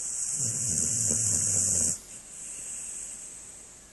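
A dog's low, fluttering snore for about two seconds, then quieter breathing; steady high-pitched hiss in the background.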